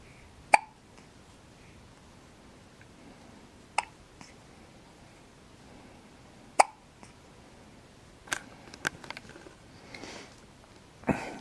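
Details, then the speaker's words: Hiccups in a 4-day-old newborn boy: three sharp, brief hiccup clicks about three seconds apart in a quiet room. "This little man has the hiccups."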